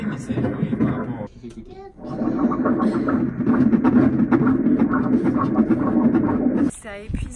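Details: Fetal heartbeat on a third-trimester pregnancy ultrasound, heard while the heart is shown: rapid rhythmic whooshing pulses.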